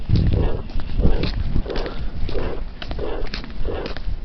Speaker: Thus, we have the crescendo-decrescendo shape, which is a term borrowed from music in which a sound gradually increases in volume and then decreases in volume. Here's an example of such a crescendo-decrescendo murmur of aortic stenosis.